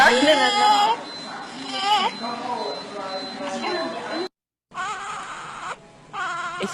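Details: A small child makes repeated short moaning, grunting sounds on breathing out (quejido respiratorio), with fast breathing and retractions between the ribs and by the sternum: expiratory grunting, a sign of breathing difficulty.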